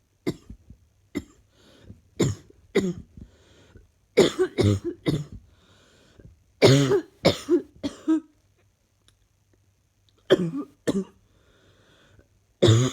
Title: Not feeling fantastic today at all. Need this cough to leave me now